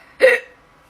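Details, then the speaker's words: Girl with painful hiccups, which she says are much like her tics: a single short, sharp voiced gulp cut off abruptly in a quiet room. "guys I have hiccups it's not much different [ __ ] all from having tics and it's the kind that hurt and I was sort of throat today"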